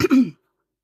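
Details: Single brief, harsh throat clear, about a third of a second, from an adult who has been coughing lately and has not been well.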